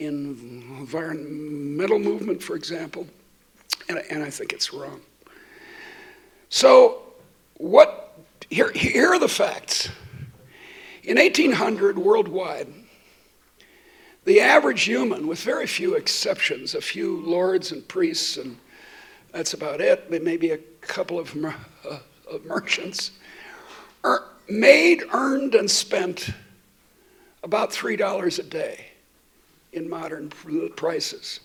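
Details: Adult woman who states she stutters, speaking while she also has a terrible cold affecting her voice; stuttering.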